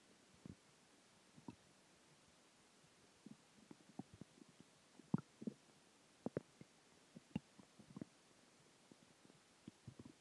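Quiet, irregular gurgles and pops from the belly over a silent background; ordinary bowel sounds of digestion and gas.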